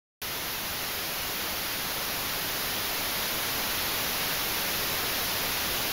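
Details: High-frequency masking noise, used to mask tinnitus.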